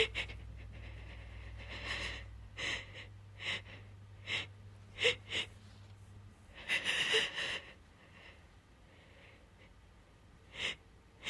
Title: wet sneezing with buildups (f)